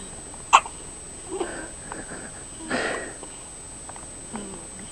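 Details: Newborn baby with hiccups: a sharp, abrupt hiccup followed by softer breathy sounds against a steady room hum; hiccups.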